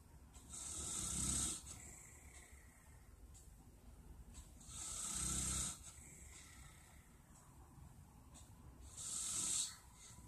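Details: Recorded on a phone: a man (the recorder's dad) snoring in sleep, with three soft, hissing, rattling inhalation snores at about 15 breaths a minute over steady room hiss.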